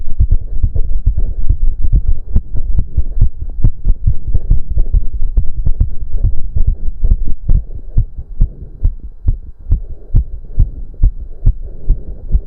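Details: Male's racing heartbeat during a 30-minute cardio workout, with heavy breathing: loud, rapid, pounding heartbeat at about 140 beats a minute; fast heartbeat from exercise.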